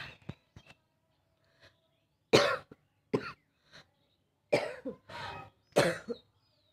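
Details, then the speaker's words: Coughing challenge on a rooftop by an adult with a real cough from a cold, throat burning and breath catching: a run of harsh, wet-sounding coughs with short pauses between them. "এমনিতেই ঠান্ডা লেগে গেছে কাশি হচ্ছে কাশি হচ্ছে"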